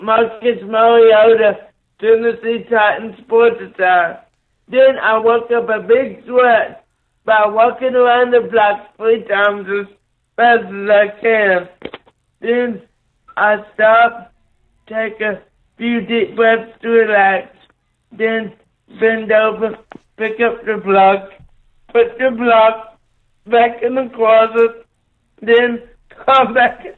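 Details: 27-year-old man with cerebral palsy after neonatal brain bleed and stroke, born three months premature after a car crash; right-sided paralysis, blindness, seizures; slow speech with dysarthria (cerebral palsy)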